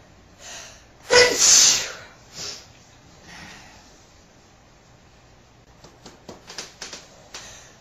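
A sharp indrawn breath and one forceful, hissing sneeze burst, then quieter breaths and soft sniffing clicks; a single sneeze.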